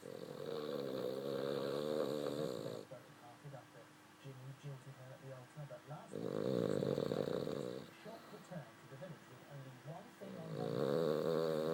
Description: this is snoring and he can go louder than this